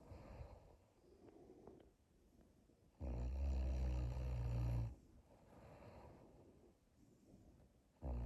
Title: My wife told me she never snores 😴